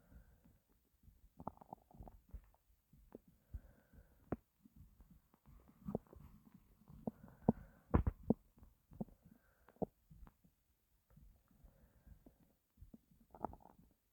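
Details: Growling stomach of a starving person after going without food for an unremembered length of time: soft, irregular low gurgles and rumbles with brief squeaky bursts.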